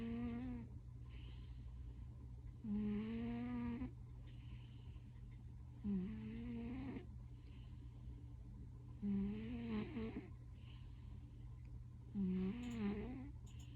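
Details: Sleeping cat with very loud snoring: loud, rhythmic, buzzing snores, about 19 per minute, over a steady low background hum.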